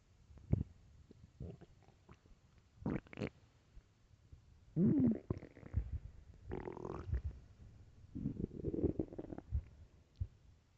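Bursts of gurgling, squealing and rumbling from an empty stomach between quiet gaps: normal hunger growling.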